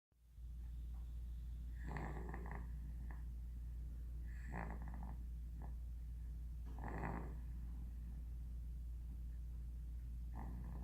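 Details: 5.5-month-old snoring: soft, snuffly snores on regular breaths over a steady low room hum.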